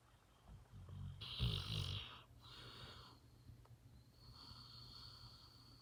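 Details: Sleeping dog snoring deeply: low snorting rasp followed by softer breathy snores over steady room hum.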